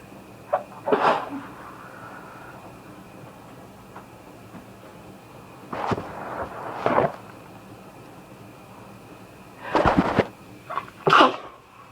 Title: More sneezing!!